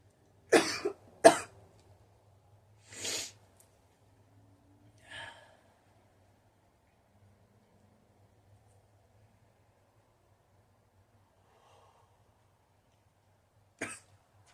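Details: Adult woman, an inexperienced smoker, inhales legal cannabis and gives two sharp coughs, then softer coughs and a breathy exhale: irritant cough after smoke inhalation.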